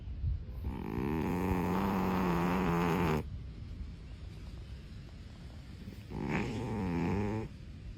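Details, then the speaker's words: Sleeping cat snoring: two long, buzzing, rattling snores, one lasting about three seconds, with a quiet pause between them; snoring. "did you know that snoring in cats is often caused by the same factors as for us humans like obesity sleep position and allergies"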